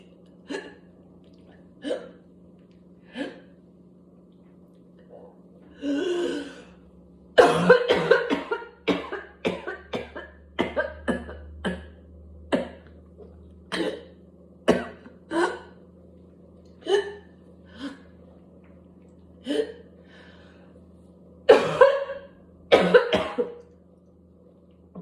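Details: Whooping cough (pertussis) coughing spell: repeated harsh coughs in clusters with a rapid run of forceful coughs, a barking cough that goes on until gagging, spitting and vomiting.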